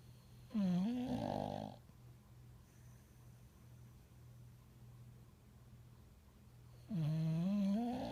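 Two loud snoring breaths several seconds apart, with quiet breathing and room hum between them.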